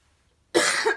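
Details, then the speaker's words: Adult coughing "like crazy" while fearing voice loss, unsure whether it is a respiratory issue: a single abrupt, harsh cough about half a second long after a moment of silence. "totally feel like I could be losing my voice I don't know this isn't like a weird respiratory thing that's coughing like crazy"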